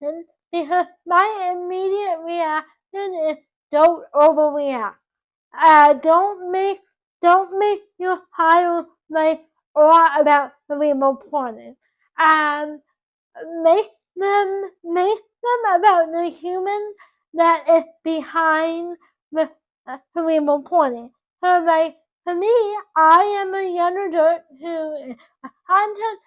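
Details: Dysarthric speech in a 24-year-old woman with cerebral palsy caused by loss of oxygen to the brain at birth; doctors told her parents she would never talk, and she now talks.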